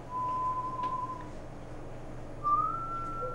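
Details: Whistling, shifting Doppler tones of blood flow over room noise during an infant echocardiogram for a small heart murmur; a pediatric cardiologist later reported a tiny hole of no concern; Doppler echocardiogram flow sound.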